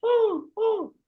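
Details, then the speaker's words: Two harsh, hoarse seal-like barking coughs imitated by an adult, demonstrating the barky cough of croup in children with viral upper respiratory infection. "there is another condition which I have not mentioned it as a cou what happens is child will have a Barky"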